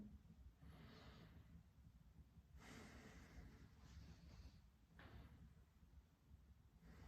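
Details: Soft, even breath sounds with clear inhalations during long deep breaths, heard through a stethoscope diaphragm over the left lung by a first-year medical student on a patient in clothes; judged normal breath sounds.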